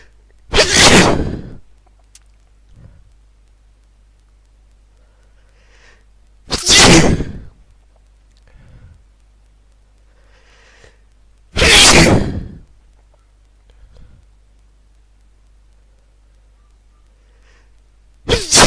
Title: New sneezes